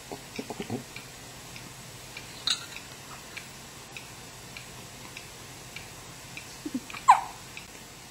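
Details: Baby in a quiet room with a few short, abrupt hiccup catches, some several seconds apart, getting louder; infant hiccups.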